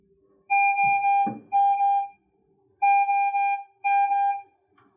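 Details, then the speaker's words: Repeated steady electronic alarm tones in short bursts from a home pulse oximeter, sounding when the child's readings fall outside physician-prescribed parameters or the probe is not picking up heart rate or oxygen saturation; repositioning the probe is advised. "If you find that your machine is having trouble picking up a heart rate or oxygen saturation, try repositioning your probe. If you do experience issues, you will get an alarm that sounds like this."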